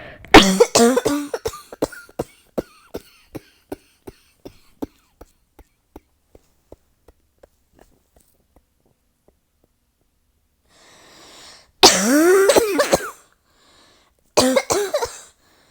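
Long run of rapid, fading coughs without a breath between, then strained gasping inhalations and another short burst: a paroxysmal coughing fit.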